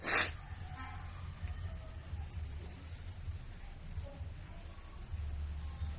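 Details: Sneezing through a wide nose: a single loud, sharp sneeze burst at the start, then quiet breathing and room noise.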